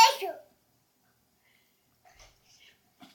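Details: Young girl, asked to sneeze and cough while playing on a chair, gives a single sharp sneeze with faint soft sounds afterward; ordinary sneeze.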